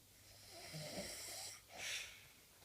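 One soft, airy snoring breath followed by a brief hissing exhalation, faint against room noise; light snoring.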